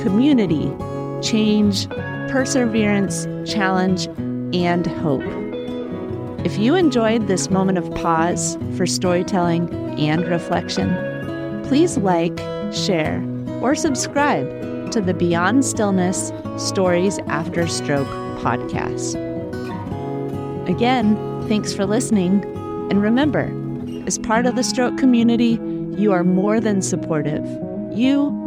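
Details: Adult speaker, podcast outro; normal speech.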